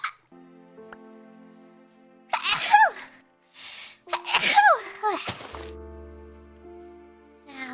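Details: Two high-pitched sneezes, each with a quick intake and squeaky burst, over soft background music during a live Minecraft stream; the streamer afterward barely remembers sneezing; sneezing.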